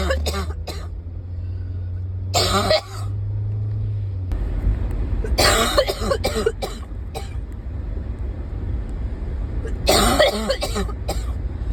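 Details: Several bursts of coughing and throat clearing over a steady vehicle rumble; a persistent cough that is still very bad.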